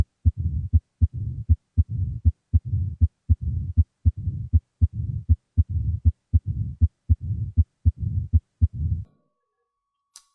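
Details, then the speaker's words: Mitral stenosis, bell at the apex with patient rolled onto the left side: regular heart sounds at about 79 a minute, each gap filled by a low diastolic rumbling murmur before the next sharp beat. "Mitral stenosis is best heard with the patient rolled onto the left side while listening with the bell at the apex, which should be relocated after moving the patient."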